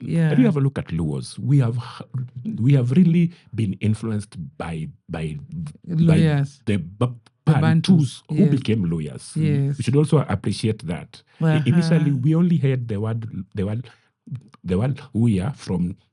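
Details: Adult man who stammers; he says his stammering is genetic, inherited from his mother, and at times acute; word and part-phrase repetitions are heard; stuttering.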